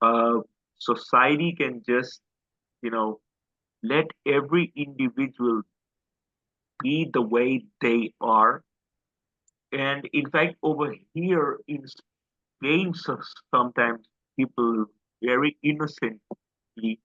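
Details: Adult male who stammers, describing his own stammer as quite severe: stuttering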